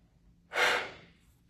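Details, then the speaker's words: Peak flow manoeuvre during a respiratory assessment: after a deep inhale, a single sharp, forceful breath blown out hard and fast into the meter. "Deep inhale and exhale hard and fast."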